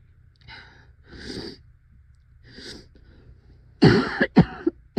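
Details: A severe coughing fit, described as the person's scariest yet: several strained, breathy gasps, then a run of four loud, harsh coughs in quick succession.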